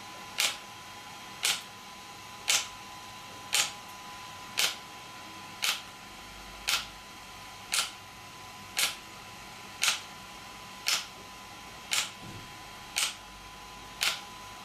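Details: Shock wave therapy (ESWT) device used for muscle and bone pain relief on a person: sharp, evenly spaced clicks about once a second, about 14 in all, over a steady faint tone as the handpiece fires.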